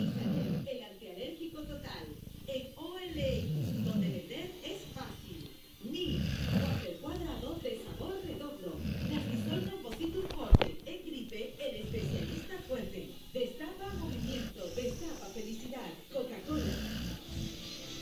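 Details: Snoring during sleep: repeated rough, low rattling breaths with snorting noises.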